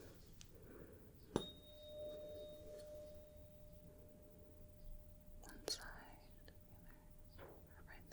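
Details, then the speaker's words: Simulated medical exam (roleplay): a tuning fork is struck twice and placed on top of the head for a Weber test to rule out hearing loss; each strike leaves a steady pure ringing tone. "so I'm going to strike the tuning fork and firstly put it right at the top of your head if you could just tell me whether you hear it more on one side the other or bilaterally"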